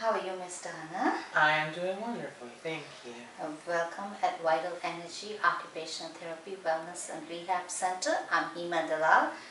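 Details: Adult women talking in a small room; ordinary conversational speech.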